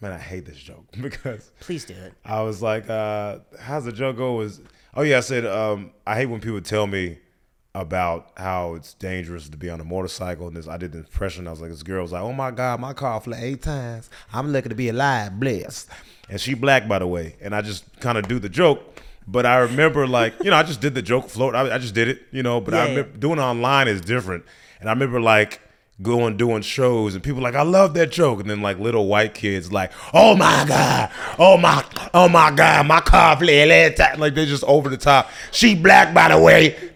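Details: Adult male speaker; typical speech.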